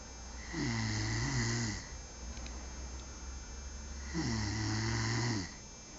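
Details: Snoring at night during sleep: two long, low rattling inspiratory snores about four seconds apart, quiet out-breath between, steady room hum.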